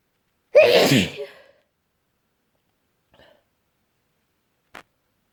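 One loud, explosive sneeze, then quiet with a faint breath and a small click: a single sneeze.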